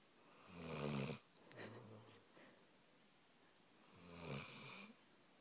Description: My dog snoring away, lol